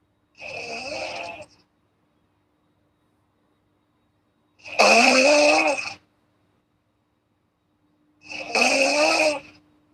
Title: snoring girl asmr4